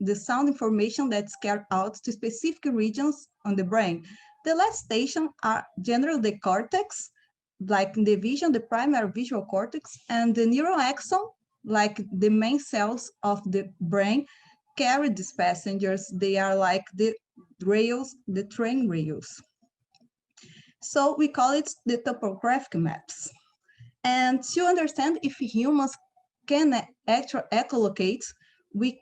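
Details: Adult female speaker; normal speech.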